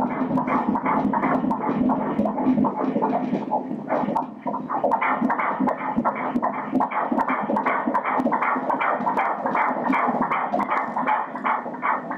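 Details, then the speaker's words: Fetal heartbeat on ultrasound Doppler at 14 weeks in a second pregnancy: fast, regular whooshing pulses at about 158 a minute, described as rhythmic, a normal fetal heartbeat. "Her er barnets hjerte, der banker... Læg mærke til hjertet..."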